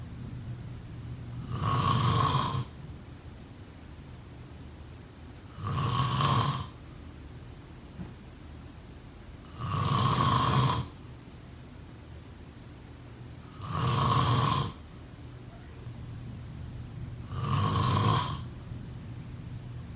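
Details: Steady snoring during sleep: five regular rumbling snores about every 4 seconds, about 15 a minute, each with a fluttering tone.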